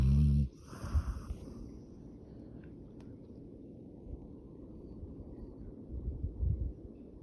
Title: Funny Dog Snoring